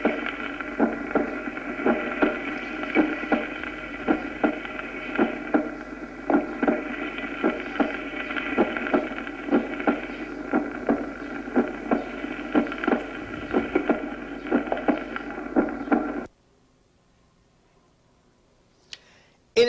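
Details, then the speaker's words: Normal first and second heart sounds: regular paired sounds over a steady hum, with no added sounds. "hasta los 25 años de edad aproximadamente el segundo ruido es más intenso en el foco pulmonar y después de los 25 años se oye más en el aórtico pues como consecuencia de la presión arterial se alteran las valvas aórticas escuchémoslo"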